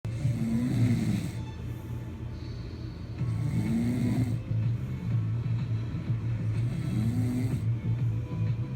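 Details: Loud adult snoring from a father, disturbing a baby: deep, rumbling snores repeating through the clip against steady background noise and music.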